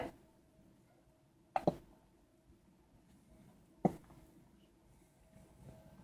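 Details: Three brief, sharp hiccup clicks in about six seconds, two close together, in a quiet room: hiccups.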